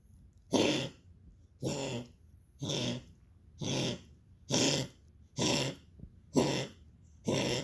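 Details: Dog coughing.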